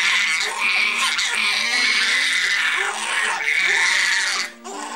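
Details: Twin infants crying at night, described as happening every night for 7 months: continuous high-pitched, overlapping crying with little pause; ordinary infant crying.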